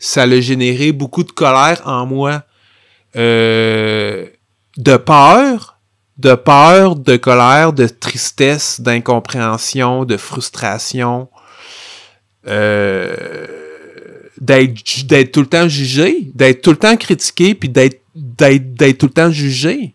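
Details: Stuttering in an adult French-speaking man; real, developmental stuttering.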